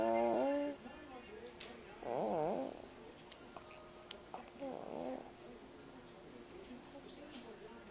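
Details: Loud, irregular snoring after falling asleep following a mid-morning snack: three wavering, whistling-buzzing snores about two to three seconds apart, with faint clicks in a small room.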